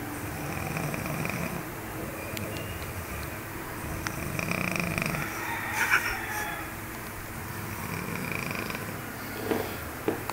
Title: snoring